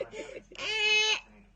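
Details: Brief fussy vocal sounds from a young child with hiccups, then a short high-pitched wail lasting about half a second; a brief infant cry.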